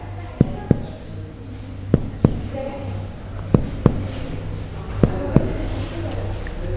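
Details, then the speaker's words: Four pairs of sharp finger taps during cardiac percussion at the right second intercostal space, lateral to medial toward the sternum, giving a resonant, normal note all the way. "will percuss tell the sternum okay this is resonant all the way"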